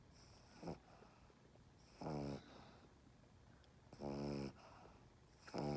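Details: A small dog held in someone's arms makes slow, rattling, buzzing bursts about every two seconds with quieter breathing between, described as an inverted reverse snore; snoring.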